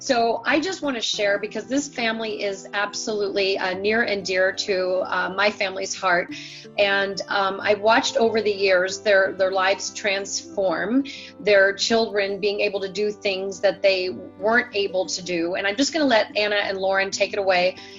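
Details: Adult woman speaking; normal speech.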